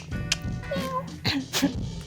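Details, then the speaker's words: 21-year-old woman with Tourette syndrome, diagnosed at age four, makes a brief, sudden meow-like squeak over soft background music; her common tics include meowing and clicking sounds; vocal tic. "that was like a vocal tic, so vocal tics are sounds, and then the motor tics are the movements, etc."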